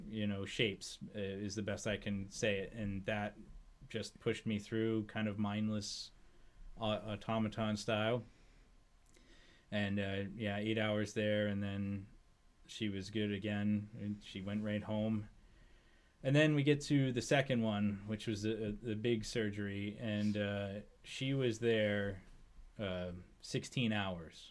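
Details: Adult man speaking; normal speech.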